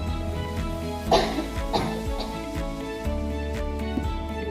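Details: About three short, muffled, acted coughs into the crook of the elbow, demonstrating cough etiquette, over steady background music: a simulated cough.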